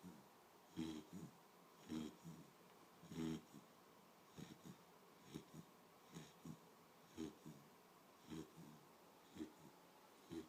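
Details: A sleeping dog snoring lightly: soft, irregular snorting breaths roughly once a second.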